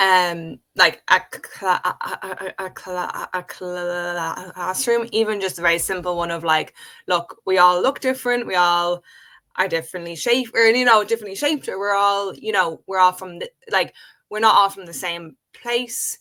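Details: Adult woman with a real developmental stutter present since age five, speaking spontaneously in English conversation; stuttering.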